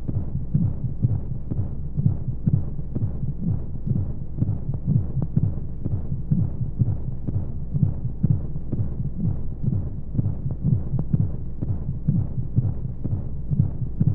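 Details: Womb sound played as a sleep aid for babies: steady, regular muffled low thumps of a heartbeat under a soft whooshing hum of flowing sounds and white noise, as heard from inside the womb.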